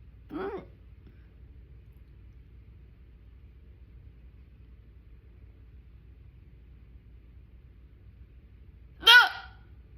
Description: Terrible hiccups! They were so loud and wouldn’t go away when I held my breath.